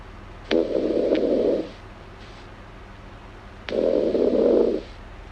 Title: Snoring girl asmr7